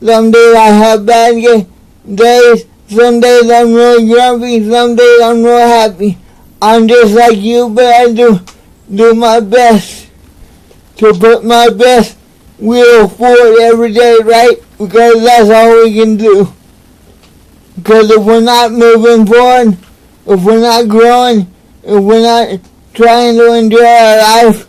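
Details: Dysarthria in an adult man with cerebral palsy, speaking to camera in a motivational talk.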